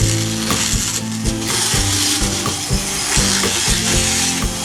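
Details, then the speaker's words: Motorised power float on a 10–12-year-old Pura Raza Española horse, lightly grinding the occlusal surface but leaving it rough for mastication: repeated grinding and rasping bursts over a low motor hum. "And then we grind down the occlusal surface lightly, but we don't go smooth because you want to leave a rough surface so the horse can grind."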